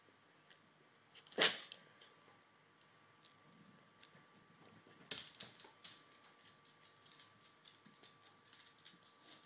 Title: Funny Sneezing dog GOT TO WATCH!!!!!!!!